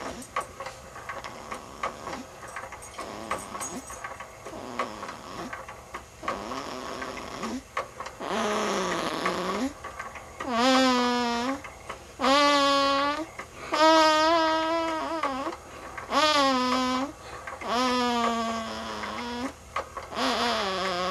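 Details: Sleeping infant snoring and making noises while dreaming: repeated voiced, slightly squeaky snores with each breath, quiet at first then louder.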